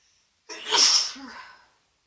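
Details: A single forceful, hissy sneeze with a long airy trail during day 2 of a congested cold, triggered after taking a bath to loosen congestion.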